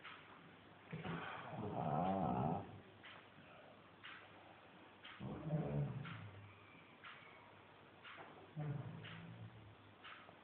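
Low rattling snores with each breath, about three breaths in ten seconds, in a quiet room; ordinary snoring.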